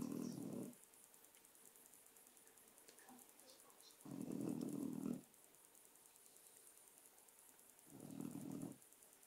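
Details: Dog snoring during a short nap: three rough, low, rattling snores about four seconds apart in a quiet room.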